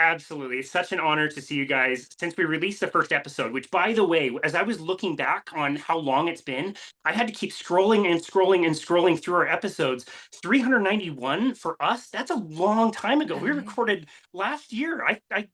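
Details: Adult speaker; normal speech.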